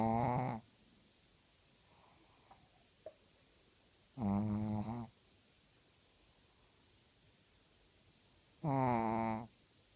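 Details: Loud, low, buzzing snores about every four seconds with quiet between them; regular snoring.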